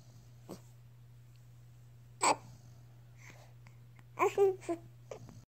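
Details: Dexter having hiccups: quiet, sharp, jerky hiccups at irregular intervals, a few with a short voiced squeak, over low background hum.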